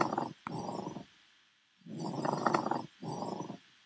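Coarse, dry grating bursts in both breathing phases, two breath cycles with a pause between: a pleural friction rub.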